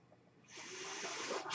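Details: Podcaster's own mechanical ventilator heard while he speaks: a quiet pause, then a steady rising hiss of air filling the line as it delivers a breath.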